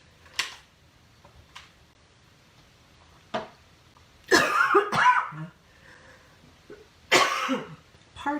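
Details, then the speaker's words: Adult woman with a dry throat gives a run of short, dry, hacking coughs in a small quiet room; dry coughing fit. "but i can tell that i'm gonna have a coughing fit it is so dry excuse me"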